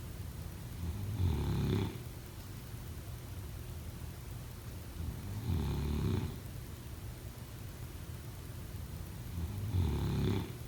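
Three rattling snores about four to five seconds apart, roughly 13 breaths a minute, with a steady background hum: snoring during sleep.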